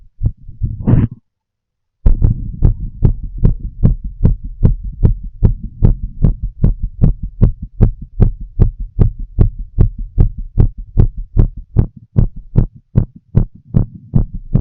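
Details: Adult female smoking a cigarette, full heart auscultation through a stethoscope: after a brief rustle and pause, regular fast heartbeat thumps at roughly 75 beats a minute counting paired sounds; heart sounds.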